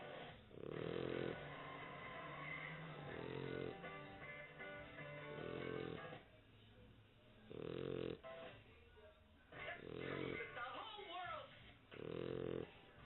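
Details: Sleeping pit bull dog snoring loudly: regular rumbling snores on each breath, about five a minute, with music playing underneath.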